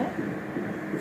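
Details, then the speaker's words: Fetal heartbeat on ultrasound Doppler at 12 weeks 5 days of pregnancy: fast, regular whooshing pulses at 147 beats per minute, normal. "পাচ্ছেন না এটা হচ্ছে heartbeat এটাও ভালোই আছে আলহামদুলিল্লাহ [মিউজিক] 147 নরমালি আসছে"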